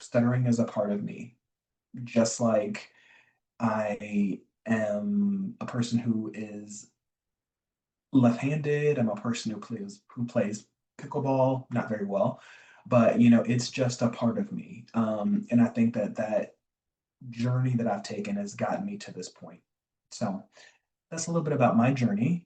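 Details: Adult man, a self-described recovering covert stutterer who still stutters (real, not acted), with word and phrase repetitions and fillers; covert stuttering.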